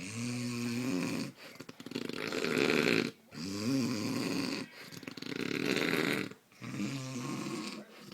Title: Worst Case Of Snoring The Human SNORLAX!